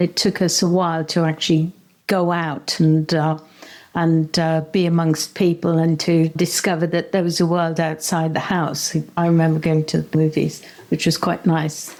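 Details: Adult woman speaking; normal speech.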